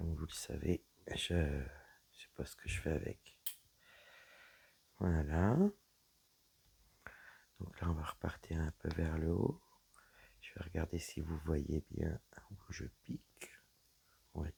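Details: Dysphonia in a woman whose vocal cords were damaged by a serious health problem.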